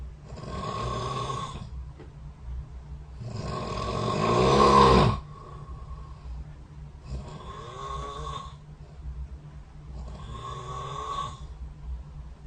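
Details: Recorded overnight by the SnoreLab snore-tracking app running beside the bed: four loud, rough snores on breathing in, about every three seconds, over steady room hum: snoring.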